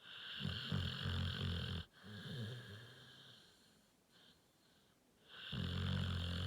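Low, fluttering snores on two breaths with a quiet pause between. Snoring in a sleeping dog.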